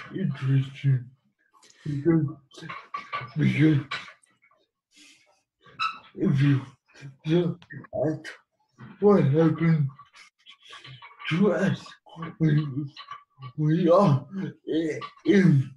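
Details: Speech of a man with cerebral palsy who has used a wheelchair most of his life; likely dysarthria, though the speech disorder is not named.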